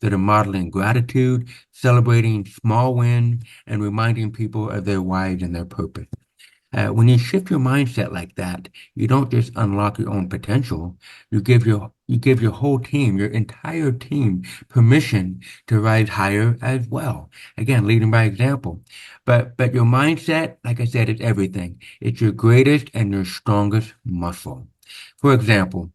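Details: Adult man born with very severe to profound (about 90%) hearing loss, congenital onset, with over 13 years of speech therapy; real, not acted; deaf speech of a person with profound hearing loss.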